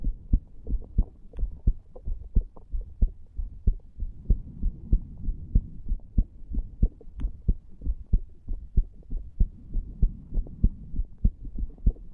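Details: Steady lub-dub heart sounds at about 95 beats a minute, regular and upper-normal, from a 34-year-old male non-smoker lying on a bed, recorded over the tricuspid area after cigar nicotine and "green stuff".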